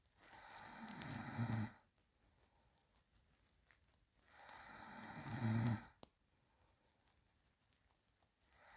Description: Real sound of sleeping person breathing and low snoring.